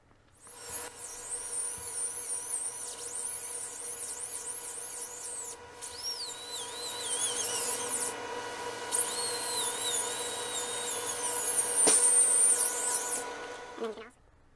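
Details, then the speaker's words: High-pitched whine of a dental handpiece with a round-ended, parallel, 30-micron diamond burr smoothing the walls of a super veneer tooth preparation; the pitch dips and rises as it works. "this is a wonderful burr the burr works very easily in scalloped tissue areas"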